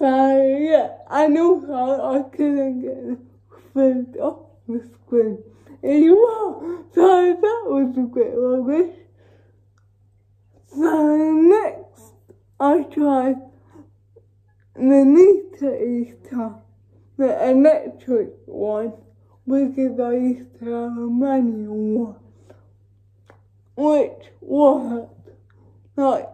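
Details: Female with cerebral palsy talking while feeding herself with a Neater Eater feeding aid; dysarthric speech (cerebral palsy), no speech disorder formally named.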